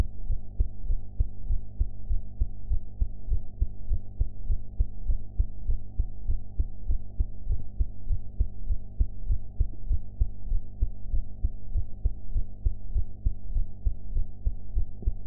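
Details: Own heart recorded after eating, with sound quality improved afterwards; steady, regular low thumping at about 100 beats a minute over a constant low hum, normal rhythm at upper resting rate; heart sounds.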